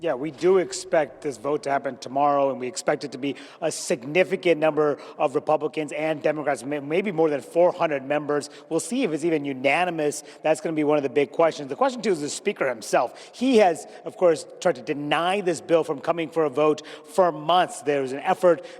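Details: Adult male speaker; Normal speech.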